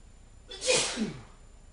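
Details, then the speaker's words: A single forceful sneeze with a sharp breathy burst, deliberately acted on camera by a man saying his itchy, irritated nose keeps making him sneeze. "My nose is irritated so much that all I can do is just stand here and sneeze like this."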